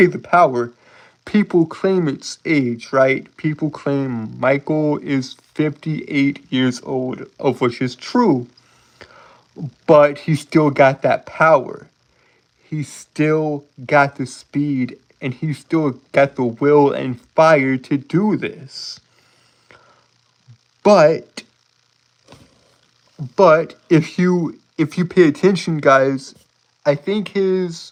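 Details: Adult man with a self-reported speech impediment that he says makes him stutter and trip over his words; stuttering.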